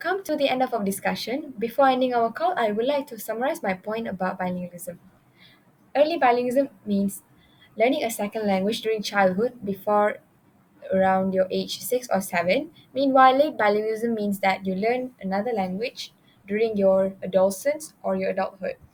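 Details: Adult woman; normal speech.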